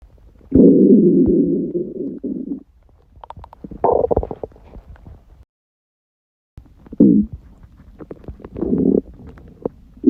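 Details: Stomach rumbling after a 48-hour fast: loud, long gurgling rumbles from an empty stomach with quieter bubbling between them; borborygmi.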